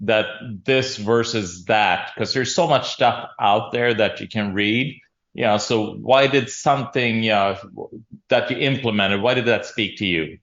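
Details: Adult man speaking; Normal speech.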